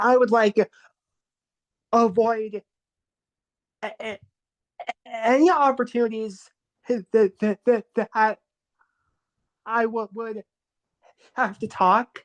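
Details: Adult male, formerly covert stutterer, with severe repetitions on the syllable 'co-' and repeated blocks; stuttering.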